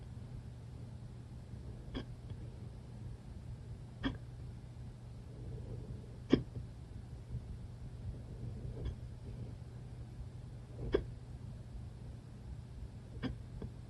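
Soft sharp hiccups recur about every two seconds, six or seven in all, over a steady low hum.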